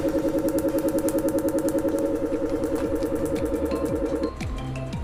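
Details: A patient's first laser tattoo removal on a sandcastle tattoo, after 15 to 20 minutes of numbing: rapid regular snapping pulses, about 200 a minute, over a steady hum, the tattoo removal laser firing.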